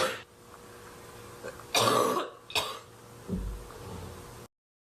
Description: Woman has a big barking cough fit